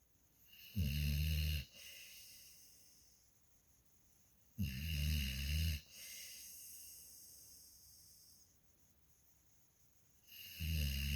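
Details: Three loud, low, rumbling inhaled snores about every five seconds, each followed by a softer fading exhale, roughly 12 breaths per minute; snoring.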